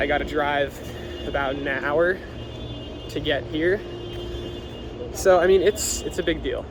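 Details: Adult male with lifelong adductor spasmodic dysphonia, vocal cords spasm instead of vibrating normally; treated with Botox injections into the vocal cords every 10 weeks to 3 months, recorded just before an injection appointment; says it can flare up badly.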